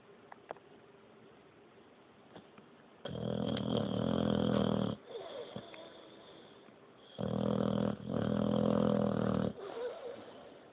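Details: Boxer dog snoring loudly while asleep: loud, rattling snores, two long breath sounds over about ten seconds, with quiet breathing between.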